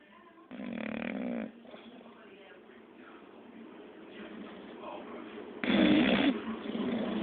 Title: English bulldog rock snoring